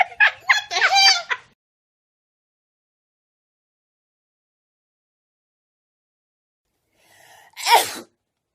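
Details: A few loud voiced bursts, a long silence, then a brief intake of breath and one sharp, explosive sneeze.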